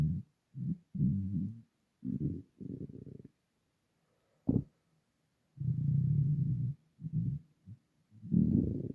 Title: Starving stomach rumbling